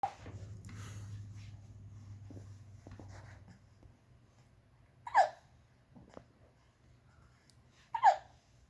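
Two sharp, brief vocal hiccup sounds about three seconds apart after soft babbling noise in a quiet room; hiccups.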